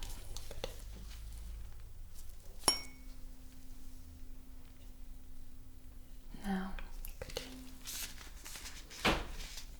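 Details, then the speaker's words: Struck tuning fork rings with a steady low hum, struck again, placed on bony prominences during a simulated ASMR neurological exam testing vibration sense in a shoulder check. "I'm going to create a vibration sound and I'll put it on the bony prominences let me know if you feel any kind of pain okay"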